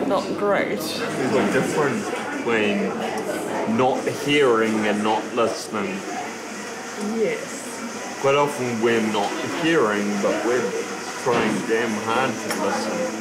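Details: Man turning 30 with Friedreich's ataxia, a genetically inherited progressive neuromuscular condition affecting coordination, balance and speech. Finding: ataxic dysarthria.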